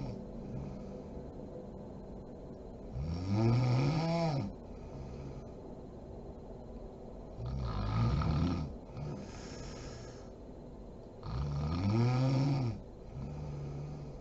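Three loud, low, rattling snores on inhaling, about 14 breaths a minute, with quieter breathing between them.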